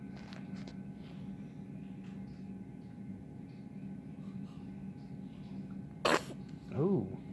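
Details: On her first day, August 20, 2020: steady room hum, then one sharp sneeze burst followed by a brief squeaky call; a single sneeze.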